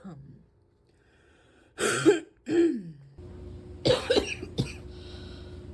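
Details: Several harsh cough and throat-clearing bursts, a quiet pause, then more coughs over steady background hum; persistent coughing fit, can hardly take a breath without coughing for minutes afterwards.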